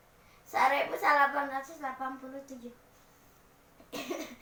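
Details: Child reciting a Sundanese poem in sing-song phrasing, a short pause, then an abrupt noisy burst consistent with a single cough during a practice session while still coughing.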